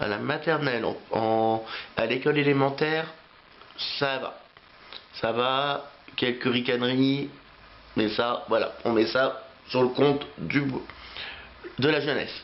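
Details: Adult male French speaker who has stuttered since age three, with repetitions of words and phrases; stuttering.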